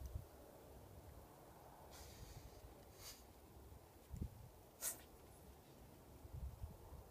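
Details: Japanese Chin dog sneezing into snow: a few soft snorting sniffs, then one sharp, sudden big sneeze against low outdoor wind rumble.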